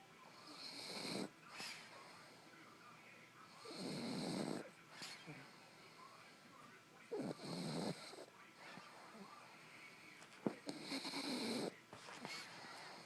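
A dog snores in slow rhythmic cycles, about one rough inhaled snore every few seconds, with quieter breathing between.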